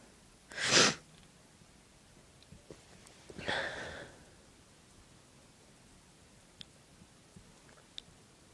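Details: Two strong, wet, forceful sneezes a few seconds apart, induced by tickling the nose with a clothes tag, followed by quiet sniffs in a still room.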